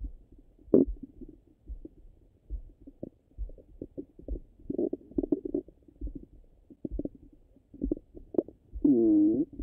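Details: Stomach sounds: soft irregular gurgles and pops ending in a brief louder squeaking gurgle, ordinary bowel sounds.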